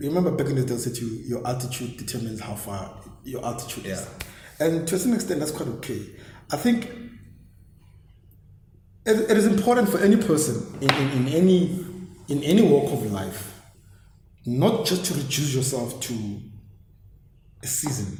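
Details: Stuttering (stammering) in an adult man, regarded as a disability.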